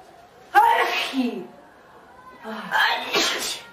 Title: Four girls sneezing